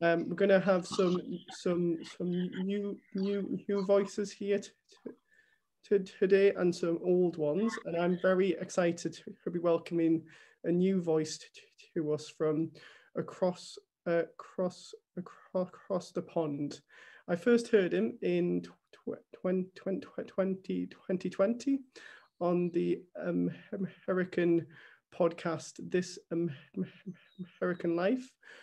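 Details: Person who stammers, speaking live as host of an online event, with repetitions; stammering.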